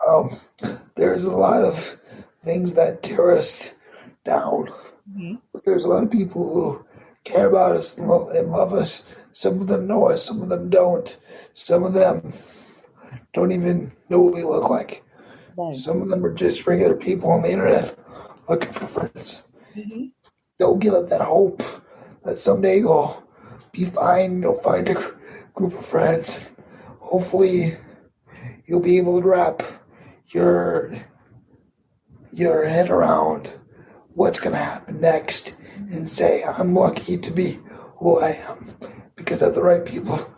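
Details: 22-year-old man with cerebral palsy affecting his muscles, muscle tightness making talking harder, effect audible in his voice; dysarthria (cerebral palsy).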